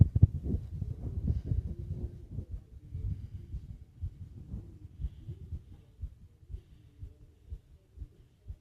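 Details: Fast heartbeat with heavy breathing sounds.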